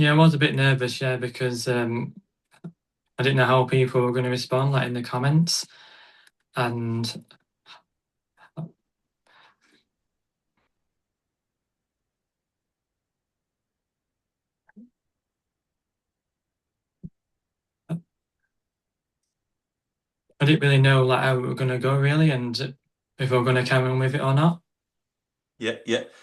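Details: Adult who stutters, a stuttering advocate; real stuttering heard in conversational speech.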